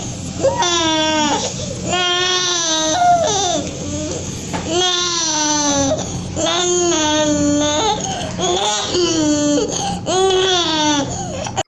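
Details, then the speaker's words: Infant with a subglottic hemangioma and progressive stridor starting around one month to 40 days of age, with breathing and feeding difficulty: harsh, high-pitched noisy breathing mixed with strained crying; inspiratory stridor. "ustedes escuchan acá el escribidor pero este escribidor está no es tan puro por así decirlo como los otros escritores sino que está teñido con cierta dificultad respiratoria"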